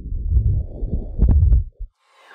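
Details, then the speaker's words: Horse with a heart murmur, recorded where ultrasound shows the strongest turbulent blood flow; heart murmur (ventricular septal defect). "and that's really what murmurs are is that their turbulent flow of the blood"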